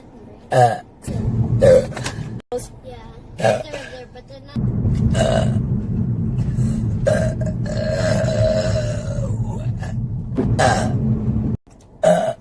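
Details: Several loud, low, drawn-out belches with speech and a long rumbling burp between them; ordinary burping.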